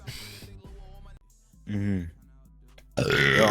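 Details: Person burping: several long, deep, voiced belches with music and talk in the background; burping.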